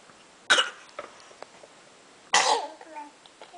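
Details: 9½-month-old girl sneezing: two sharp, explosive sneezes about two seconds apart in a quiet room.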